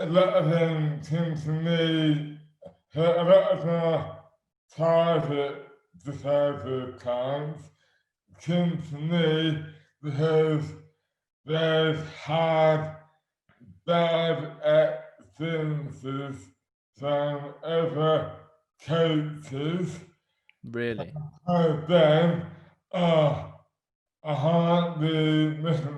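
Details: Adult man with dystonia; slurred speech began suddenly overnight after a night out on the May bank holiday 2008, without known cause; hands also affected; speech dramatically impaired; dysarthria due to oromandibular dystonia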